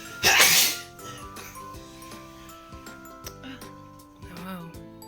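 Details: One sharp, breathy sneeze over soft background music from a baby girl who has a cough and flu today.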